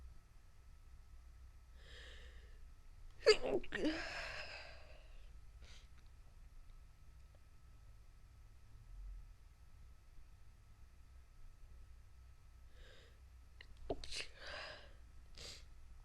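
Two sneezes about ten seconds apart, each with a quick breath in before a sharp burst out, in a quiet room.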